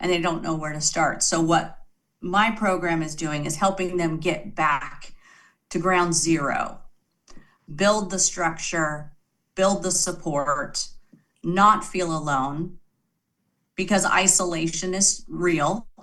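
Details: Adult female speaker; normal speech.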